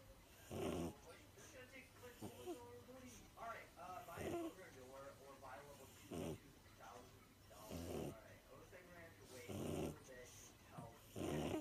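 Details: Queenie the pug snoring in sleep: loud, rattling snorts about every two seconds, roughly 34 a minute, with whistly, wheezy breathing between them.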